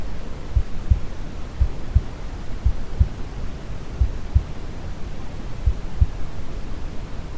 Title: Quality sound for baby sleep (brown noise + calm heartbeat) #babysleep #babysleepsounds